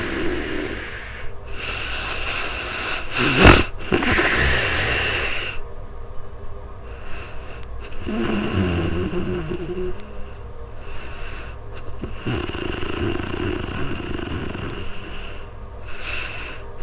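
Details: Real-time recording on a new microphone of a person sleeping: irregular noisy snoring with snorts and whistling breath sounds over steady background hiss.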